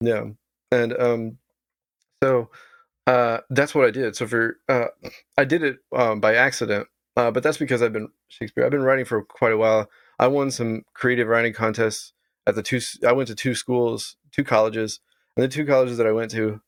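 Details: Adult man with Tourette syndrome whose vocal tic is involuntarily saying the word "Shakespeare".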